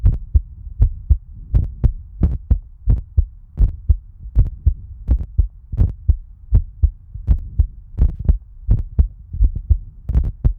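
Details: Heartbeat recording from a person whose eye is infected and swollen: steady thumping at roughly 80 beats a minute with a low hum behind; normal heartbeat.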